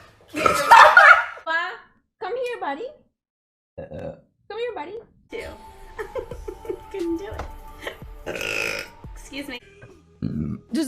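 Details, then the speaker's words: Woman streamer burping: one loud belch, then chatter ("that was really bad, I'm elated and gassy"), laughter and background music. "all right there it is yeah that was really bad I'm elated and gassy so you know"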